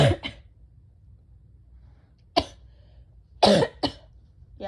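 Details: Sneezing in a person with bronchitis: several short explosive bursts, some in quick pairs, sounding like sneezes or sneeze-like coughs.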